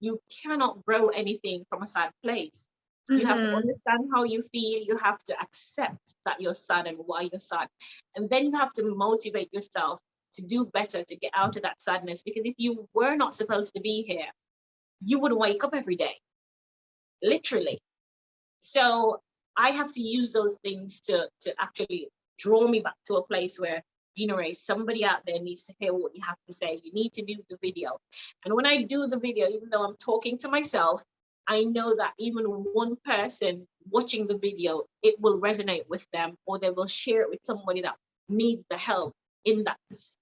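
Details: Jamaican woman who woke with a British-sounding accent after a life-threatening accident causing brain damage with swelling, uncontrollable, with patois slipping in when emotional; foreign accent syndrome.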